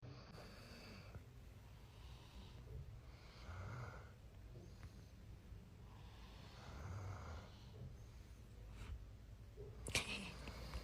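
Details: Adult man snoring, slow rough breathing noises about every four seconds against quiet room noise, brief clatter near the end; snoring.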